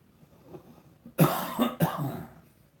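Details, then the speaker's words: Coughing in the background from an old man, which the speaker attributes to allergies. "and you might hear the old man over there coughing. These allergies here is getting to him."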